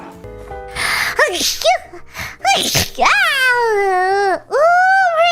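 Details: VTuber character's sneeze: two quick explosive sneeze bursts followed by drawn-out high vocal sounds over background music; speaker says it tickled and hurt her nose.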